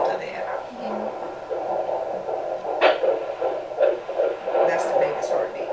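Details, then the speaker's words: First fetal heartbeat on Doppler, first baby, heard very low: fast rhythmic whooshing thumps at 160 beats a minute over a muffled hum, normal range. "The thumping sound there, that's the baby's heartbeat."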